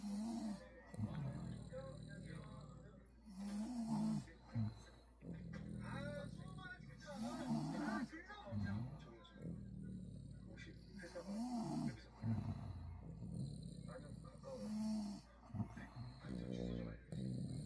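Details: Sleeping dog snoring loudly with rough, snorting sounds on each breath; hashtags mention snoring and apnea.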